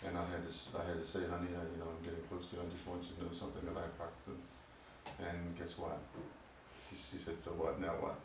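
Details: Man with Parkinson's disease diagnosed at 45, on medication he hopes will help his voice, which he says has recently changed; hypokinetic dysarthria (Parkinsonian speech).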